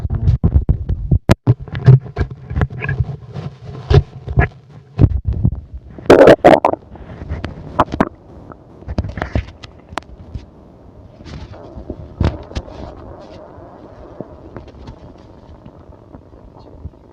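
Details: Irregular gurgles, pops and low rumbles from the belly: ordinary bowel sounds of a full stomach.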